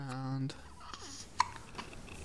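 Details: Infant girl with hiccups in the morning; a brief infant vocalization, then a single sharp, abrupt hiccup over quiet room noise and an adult's soft voice.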